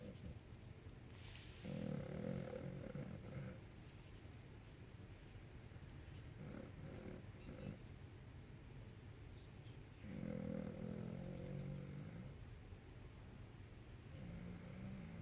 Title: Roncando